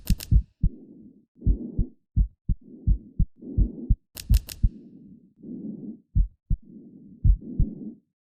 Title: Heartbeat audio update